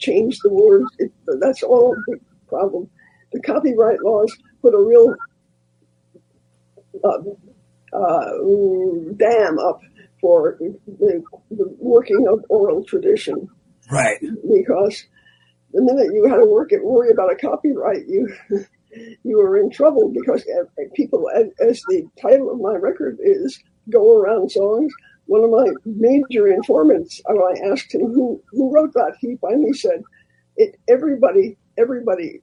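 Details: Elderly former singer who recently lost a vocal cord, not caused by the polio they had in 1948; rough voice, changed from their singing voice; dysphonia after loss of a vocal cord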